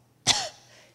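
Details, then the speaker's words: Simulated weak cough: a single brief, soft, breathy cough with little force, demonstrating how a person with very weak respiratory muscles cannot breathe in deeply, before showing breath stacking to improve cough efficacy. "can hear that that's quite a small cough whereas if I can get a deeper breath in my cough efficacy is already quite simply improved"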